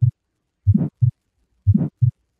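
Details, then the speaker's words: Aortic stenosis (narrowed aortic valve) example from a cardiologist: heartbeat near 60 a minute with a harsh rushing systolic murmur between the first and second heart sounds. "if you have a heart murmur that's an extra sound so if you have atic stenosis or a narrowing of the aortic V for example that sounds a little bit like this"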